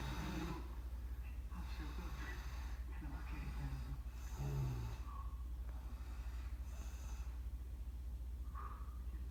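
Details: Dad asleep: loud, low, rumbling snores with snorting breaths, about one per second, over steady room hum. Ordinary snoring.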